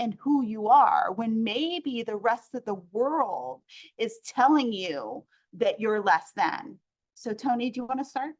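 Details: Adult woman speaking; normal speech.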